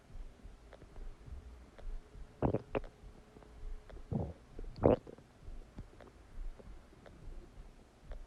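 Several low gurgling rumbles over a faint background, typical stomach digestion noises after a meal; ordinary bowel sounds.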